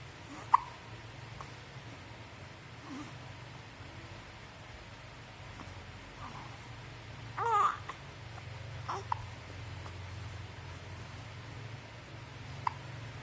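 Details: 1-month-old baby gives a soft coo among sharp, brief hiccup clicks in a quiet room: infant hiccups.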